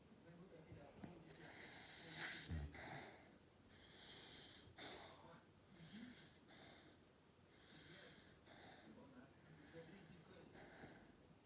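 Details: Sleeping fox-red Labrador puppy: soft, rhythmic snuffling breaths with nasal snorts and a faint wheezy noise; puppy snoring and snorting.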